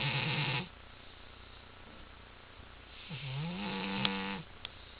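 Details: Female cat napping in a quiet room: a rough, buzzing snore, then a long drawn-out rasping breath a few seconds later; snoring.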